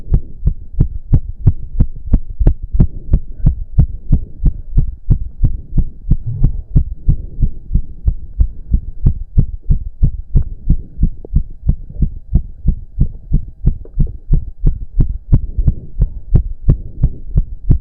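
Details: Male during a roughly 15-minute intense cardio workout, with heavy breathing. Loud, very fast, regular pounding heartbeat of about 180 bpm; reported close to 200 bpm. Exercise-induced sinus tachycardia.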